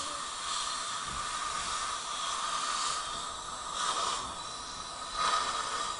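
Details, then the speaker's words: Continuous hissing, rushing air with surges as a dental air-water syringe rinses and suction runs during an adult male patient's implant crown appointment, right after bite registration and digital impressions. "All right, let's go and rinse, please."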